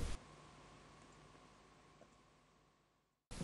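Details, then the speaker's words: Adult male, longtime loud snorer with recent weight gain, asleep: near silence with no breath sounds for about three seconds, an apneic pause: obstructive sleep apnea. "let's find out at this present moment robert is not breathing at all this is an apnea"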